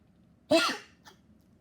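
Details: Dog with a persistent nonstop cough, having become weaker: a single harsh forceful cough burst followed by a faint short after-sound.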